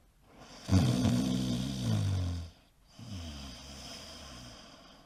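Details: Adult man snoring: a loud, low, rattling snore of about two seconds, then after a brief pause a softer, rougher breath sound.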